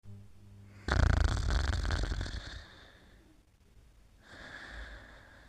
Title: Mimi's Bedtime: Mimi Sleeping and Snoring Part 4